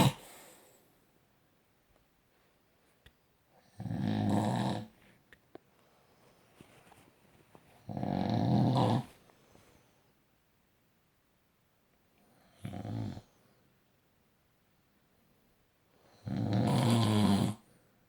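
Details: Deep, rough snores on each breath in, about four in eighteen seconds, with near silence between them; slow sleep breathing with snoring.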